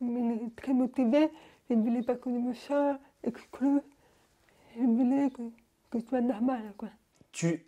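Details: Young woman born deaf, using hearing aids since birth and recently new hearing aids, speaking French orally while lip-reading; finding: deaf speech (congenital hearing loss).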